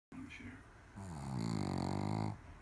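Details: A low, rumbling snore that builds into a louder vibrating drone on a drawn-out breath, from a female who snores constantly: snoring.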